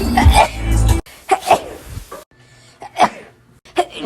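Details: Several sharp, explosive sneezes in quick succession, the first over loud low background noise; sneezing.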